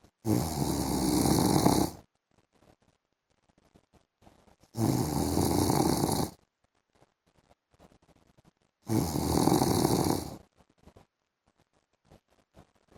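Three long, harsh, rasping snores about four seconds apart, roughly 14 a minute, with quiet pauses and faint room sounds between.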